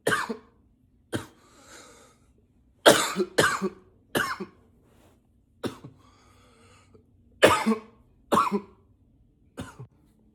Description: coughing a lot, sometimes i try to cough with a deeper voice